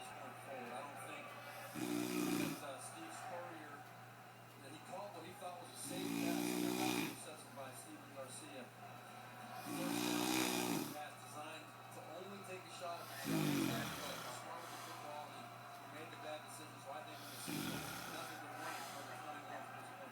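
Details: Rhythmic snoring, five rattling inhaled snores about every four seconds, roughly 15 a minute, with faint background noise.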